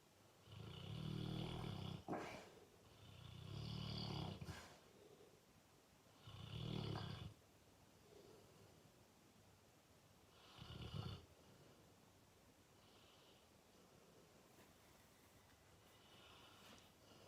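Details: Full-grown male Fox Red (Ruby) Labrador Retriever snoring loudly in sleep: low rattling snores on inhalation, four in about eleven seconds, then quieter breathing; he often wakes himself up snoring.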